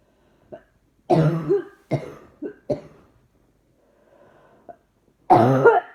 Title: Trying not to cough seems to make it happen more. Coughing & more coughing